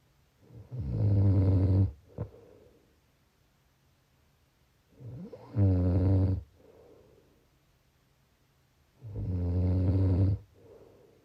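Three loud, rumbling snores on the in-breath with quiet out-breaths between, about 14 breaths a minute; snoring.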